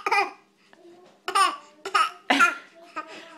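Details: Young child learning to mimic, imitating a cough in play: four short, voiced cough-like bursts, not from illness.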